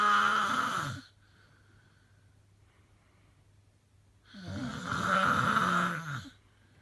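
Two long, loud, groaning, voiced breath sounds separated by a quiet pause; heavy snoring.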